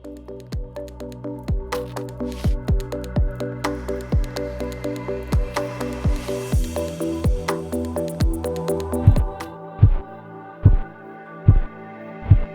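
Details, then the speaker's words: Korotkoff sounds during blood pressure cuff deflation in a teaching demonstration, partial arterial constriction: regular soft thumps about 72 a minute, louder and more spaced toward the end, over background music; phase 1 systolic, phase 2 murmur. "Phase 1 of Korotkoff sounds indicates systolic pressure for adults and children. Phase 2, the sounds are followed by a murmur."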